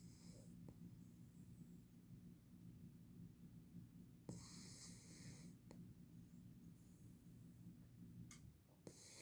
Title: SLEEPY PUPPY.. she snores. haha #beaglepuppy